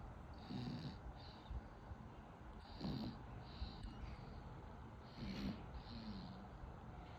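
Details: A baby falling asleep with soft, irregular snoring and snorting breaths, about 26 a minute, over faint background noise; snoring.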